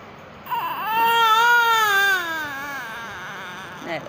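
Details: Infant crying while a caregiver soothes it: a single sustained, tonal cry that rises and slowly falls, then a brief second cry; ordinary fussy crying in a quiet room.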